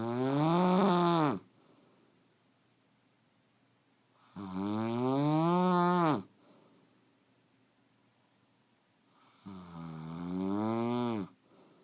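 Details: Adult woman (wife) snoring during sleep: three loud, droning snores about 1.5 to 2 seconds long, roughly 12 breaths a minute, with quiet gaps between.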